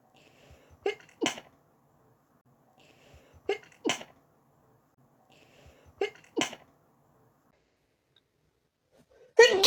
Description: The sneezes were from the morning after waking up.